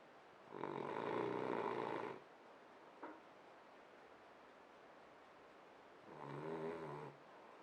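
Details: Sleeping French bulldog snoring: two loud, harsh, buzzing inspiratory snores about five seconds apart, with a brief click between.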